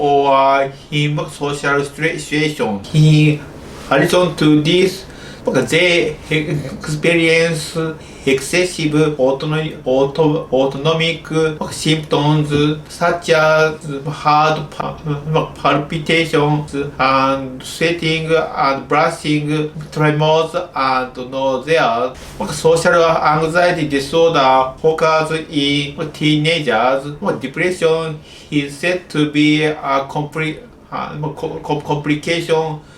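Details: Adult male medical doctor in Japan with developmental stuttering (childhood-onset fluency disorder), speaking English.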